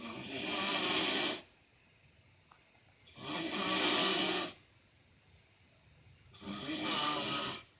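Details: Snoring from an adult man (uncle): long, loud, harsh snores about every three seconds with quiet gaps between them; heavy rhythmic snoring.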